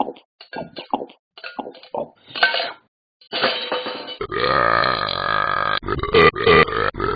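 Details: Simulated burping by the cartoon dog character Talking Ben in a mobile app: repeated loud, drawn-out belches.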